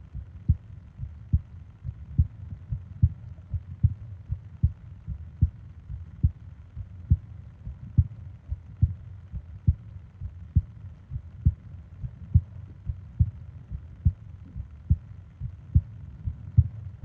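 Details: Steady, regular, low heartbeat thumps at about 70 beats a minute with faint breathing underneath, from a 20-minute ASMR heartbeat and breathing sleep recording; a normal heartbeat.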